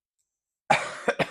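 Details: Cough in an adult with laryngitis for five days, recorded through a microphone.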